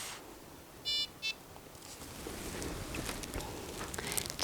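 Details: Two short electronic beeps over quiet room noise in a nursing-home training demo: the syringe driver being stopped and switched off to replace a low battery.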